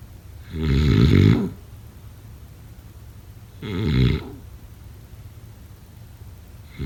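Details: Two loud, rattling, low snores on breathing in, about three seconds apart, with quiet breathing between; snoring.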